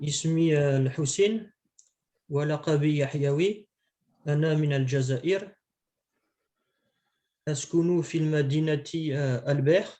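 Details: Adult male speaker; normal voice.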